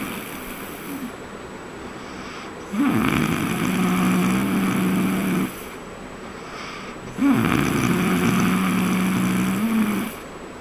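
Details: Person sleeping on a trip to Raigad: long, loud, droning snores with a buzzing, rattling tone, two in about ten seconds, over steady background hum; heavy snoring.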